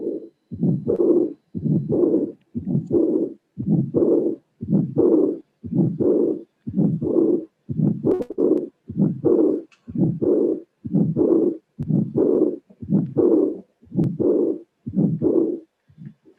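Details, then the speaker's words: Teaching recording of aortic regurgitation: regular heartbeat near 60 a minute, first and second sounds, a systolic ejection murmur and a high-pitched diastolic murmur not covering all of diastole; to-and-fro murmur. "So we have systolic and diastolic, and this is a auscultatory funding of heart regurgitation."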